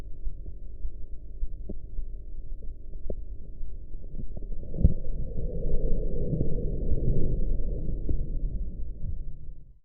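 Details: Practice blood pressure recording with audio enhancement while a sphygmomanometer cuff deflates: faint tapping Korotkoff beats through a low rumbling background noise.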